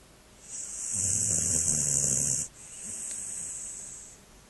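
A dog's long, hissing, whistling breath sounds during sleep, followed by a softer breath; snoring.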